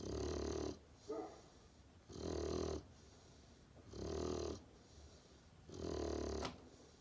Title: Puppy Snores-Blanch the Great Pyrenees